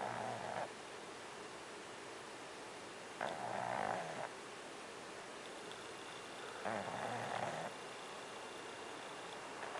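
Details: A pug, a flat-faced dog, snoring outdoors at a beach: raspy, snorting snores about every three seconds over steady outdoor background noise; snoring.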